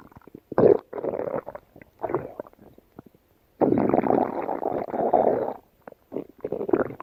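Bursts of low, rumbling, gurgling noise separated by quiet gaps, one lasting about two seconds: gut sounds from gas and fluid moving through the intestines.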